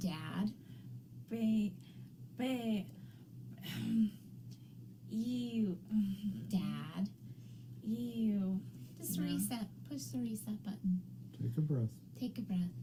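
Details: Woman, former ICU nurse, with aphasia and apraxia of speech about 4 years after a 2019 ruptured brain aneurysm with intracranial and subarachnoid hemorrhages that left her unable to speak; she had 5 brain surgeries in 7 weeks.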